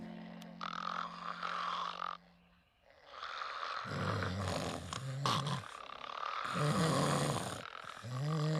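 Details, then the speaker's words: Simulated snoring from the animated show Bob's Burgers (S8 E13): loud, rough, rattling snores from two cartoon sleepers, a couple, alternating and overlapping. "i think i'm not used to you not snoring in the middle of the night same here i guess you're my white noise my disgusting white noise"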